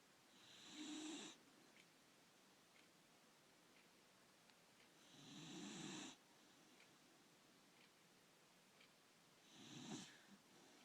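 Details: Snoring: three soft, buzzing snores on the breath, roughly every four to five seconds, with a few faint ticks between.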